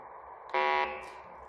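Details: Brief loud electronic buzz from the acoustic stimulator of a BT-220 fetal Doppler (2 or 3 MHz probe), activated by a button and used to obtain a more accurate fetal heart rate: fetal acoustic stimulator buzz.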